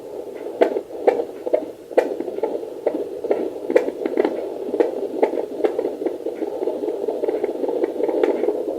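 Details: At 9 weeks pregnant, a home handheld fetal Doppler with a 2 MHz probe and gel picks up a fast, rhythmic whooshing pulse: a normal fetal heartbeat, with a reading of 141 per minute.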